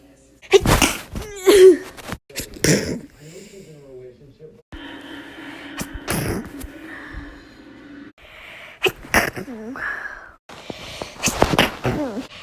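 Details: A person sneezing nonstop for about a minute: a run of loud, explosive sneezes, some with a quick breath drawn in first, separated by brief pauses. Repeated sneezing.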